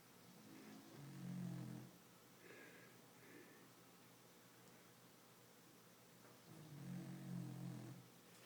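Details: Two low, rumbling, rattling snores about five seconds apart, with quiet breathing between them; snoring.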